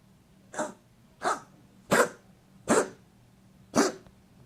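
Five short harsh bursts from a dog, a little over a second apart, each a dry honking cough.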